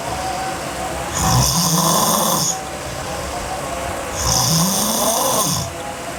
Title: Sleeping Girl Hard Snoring (EVB) Part 2